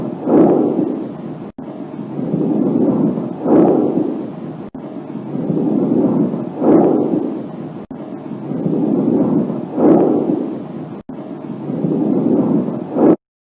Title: Ruidos pulmonares Normales